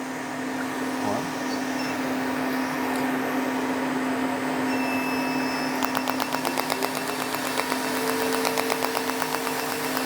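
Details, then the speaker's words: Light erbium fractional laser passes on a man's face over scars previously treated with needling: a steady machine hum and whine, then rapid regular clicking pulses about four a second as the laser fires. "light fractional passes a little bit for me [Music] going over scar a little bit more there's a couple areas of scars that we're treating a little more aggressively"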